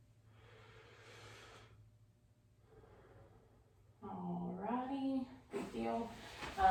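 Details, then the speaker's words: Adult patient seated upright in acute care takes a big deep breath through the mouth during lung auscultation by a student physical therapist, anterior chest near mid-clavicular area: deep mouth breathing. "what I'm going to have you do is take a big deep breath. I want you to take a breath through your mouth though, okay? So big deep breath."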